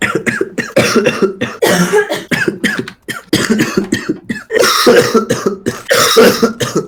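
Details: Adult man coughing all evening, says coughing feels so bad his eyes bulge out: loud, harsh coughs in quick repeated bursts with barely a break; prolonged coughing fit.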